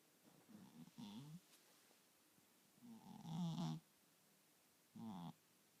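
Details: A sleeping cat snoring: three soft, low, fluttering snores on breathing in, with quiet pauses between.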